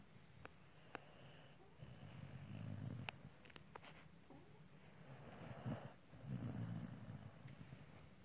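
Low rumbling snores on slow breaths in, two clear snores over eight seconds, with faint clicks and room noise; ordinary snoring.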